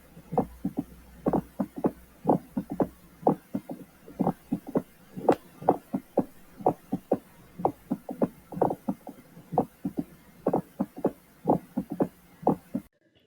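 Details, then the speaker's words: Mediastinal crunch: crunching, rasping crackles in clusters synchronous with each heartbeat over the anterior left hemithorax, as the heart strikes air-containing tissue (lung). "el crujido mediastínico es un sonido crujiente y rasposo sincrónico con el latido del corazón sobre el hemitórax izquierdo en la parte anterior cuando el corazón golpea un tejido con aire"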